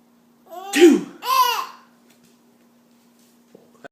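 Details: A simulated, fake sneeze: two quick voiced bursts, a rising 'ah' then a 'choo', over a steady low hum.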